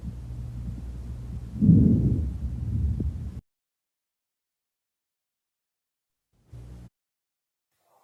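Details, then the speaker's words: Normal vesicular breath sound through a stethoscope, best appreciated over the posterior lung bases: soft, low-pitched rushing, heard best on inspiration, with expiration shorter than inspiration. "o have this soft low pitched sound it's heard best during inspiration but remember that the expira expiratory sound is shorter than the inspiratory sound"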